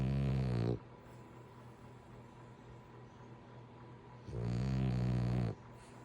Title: He bout to get kicked dead ☠️in his ass #reels #snoring #laugh